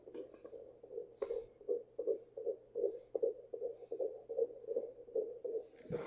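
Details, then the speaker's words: Fetal heartbeat found with a home fetal Doppler at 15 weeks in a high-risk pregnancy (mother over 35, high BMI), located low on the abdomen: fast, regular galloping whoosh, well above the mother's slower heart rate. "All right. So, that is the heartbeat. Um, hopefully that helped a little bit in regards to the placement."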